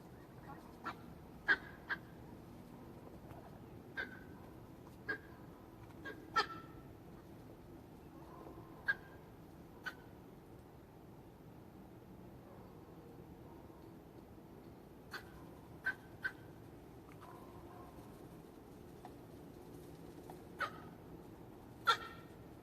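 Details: A duck that is otherwise normal (eating, drinking, quacking, not lethargic, clear eyes, laying two eggs a day) has made intermittent short, sharp, cough-like bursts for about a week, roughly fifteen in twenty seconds.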